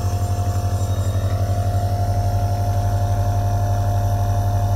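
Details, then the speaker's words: Meditive Handy compressor nebulizer switched on as a home-use demonstration with a fresh, unused mask and no one inhaling: steady low motor hum with rapid, regular pulsing in normal operation. "चलिए तो हम इसको अब on करते हैं यहां पर आप देख सकते हैं"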